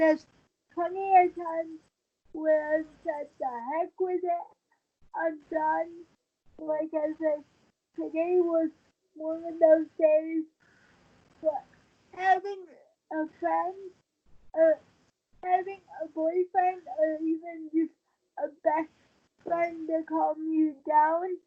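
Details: 23-year-old woman with cerebral palsy since premature birth at 27 weeks, wheelchair user with no balance and a tight body; she believes prematurity affects the stability of her speaking; dysarthria (cerebral palsy).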